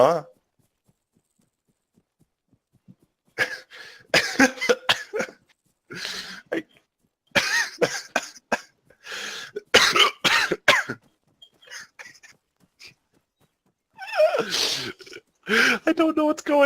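Repeated short coughs in clusters, each followed by a sharp hiccup-like catch; coughing that triggers hiccups.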